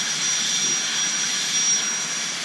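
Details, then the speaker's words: Continuous high-pitched whine of a dental handpiece with faint water-spray hiss during interproximal reduction training for aligners on a stone model, using gentle brushing strokes through a broad posterior contact, approached from buccal and lingual sides. "what I generally do with these ones because there there's a little bit more meat to the contact than there is with some of these front teeth is same sort of brushing motion that we did with the first one but I approach it from both side"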